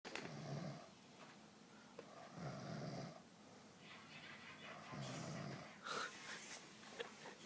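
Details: Low, rumbling snores on each breath, roughly every two to three seconds, with soft noises between them; ordinary snoring.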